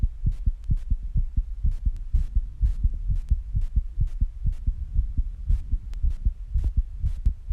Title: My Very Fast Heartbeat Sounds After Rebreathing and Squats